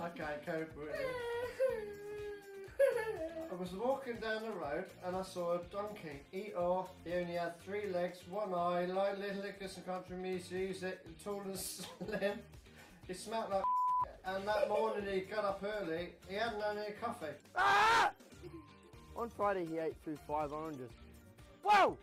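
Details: Vocal tics and interjections in a man with Tourette syndrome.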